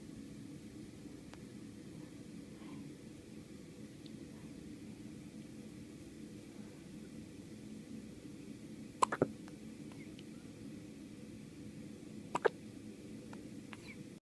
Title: First day of life hiccups